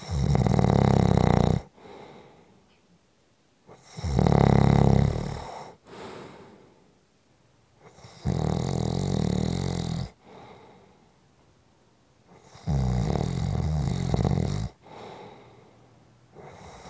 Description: Tuesdays are short Snoring days. Just a short snoring audio clip!